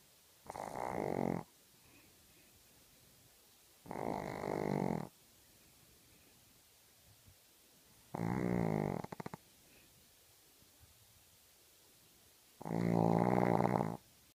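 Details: Sleeping dog: loud, rattling snores about every four seconds, roughly 14 breaths a minute, separated by quiet pauses, while the owner tries not to laugh. Snoring.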